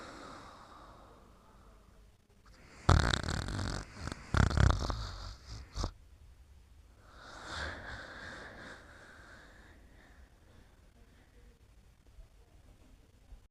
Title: Mimi Sleeping & Snoring Part 7